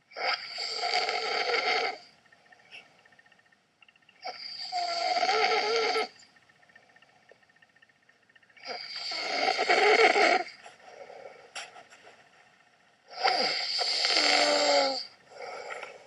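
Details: Husband snoring while asleep: loud, rough, rattling snores in long bursts about every four seconds, separated by quieter breathing; heavy snoring.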